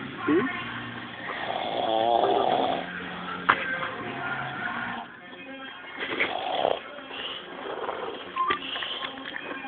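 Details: Rough, rattling snores from a sleeping adult, partly mixed with background music and sounds.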